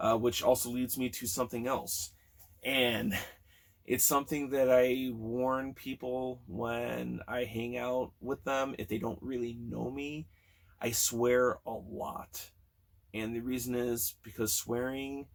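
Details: Stuttering in a man almost 40 who has stuttered since childhood, with sound and word repetitions in this stretch.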